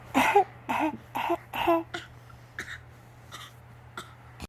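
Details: A child gives four short, forced, voiced coughs, then a few faint throat-clearing sounds, in a quiet room; voluntary fake cough.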